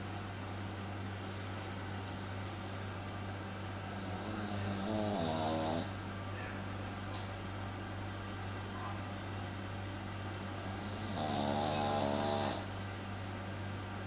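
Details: Dog snoring in its sleep: two fluttering, rattly snores about six seconds apart over a steady background hum.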